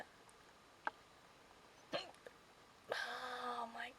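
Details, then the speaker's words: Person with repeated hiccups (at least three bouts that day) producing a few short, sharp involuntary gulping sounds in a quiet room, then a brief voiced sound: hiccups. "hiccups are really unpleasant and I've had hiccups at least three separate times today and it's just it's not"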